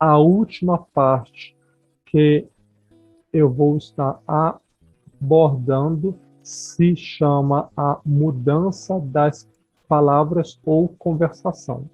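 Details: Adult speaker; no disorder.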